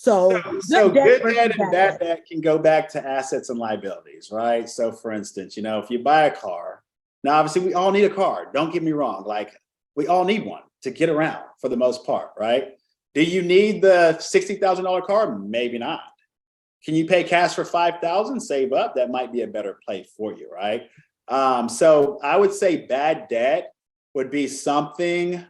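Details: Adult speaker; normal speech.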